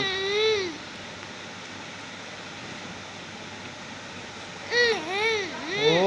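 Short high-pitched infant cries with rising and falling wails over steady background hiss; a baby crying.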